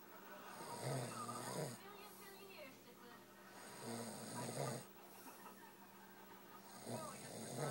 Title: his snoring